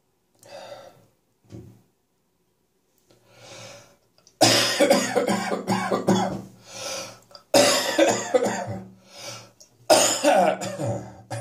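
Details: Morning productive cough with catarrh after a resolving chest infection: soft throat clearing, then three loud rattly, phlegmy coughing bouts.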